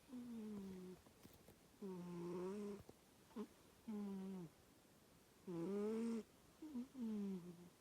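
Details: Cat snoring: short, squeaky, tonal snores with falling pitch recurring about every second or two in a quiet room.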